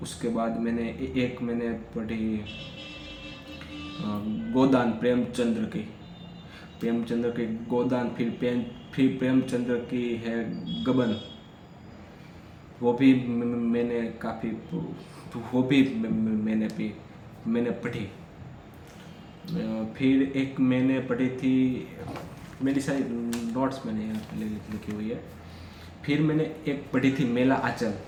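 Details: Adult male who stammers, recording Day 5 of a daily speech practice routine for stammering, speaking freely in continuous-speech practice; stuttering.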